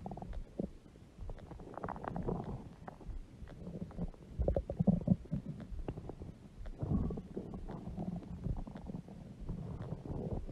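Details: Woman's huge belly stomach growling: low, continuous gurgling and rumbling with bubbling swells, stomach growling from gut movement.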